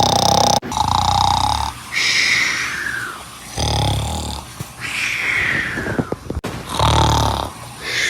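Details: Dog snoring compilation edited together from several clips: loud rasping snores alternating with whistling, wheezy nasal breaths and snorts; noisy dog snoring.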